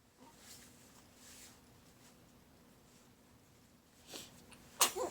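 A short sharp sneeze burst near the end, preceded by faint breathy sounds and a smaller puff, in a quiet room.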